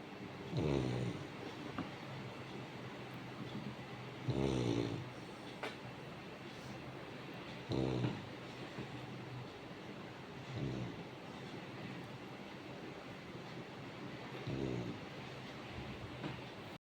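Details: Sleeping Labrador dog snoring: short rattling snores on each breath, about five in the stretch, roughly 18 a minute, over steady room noise.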